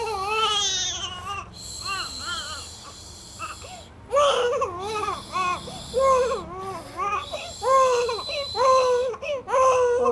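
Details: Baby girl crying right after ear piercing: repeated rising-falling cries, about one a second, with short pauses; infant crying.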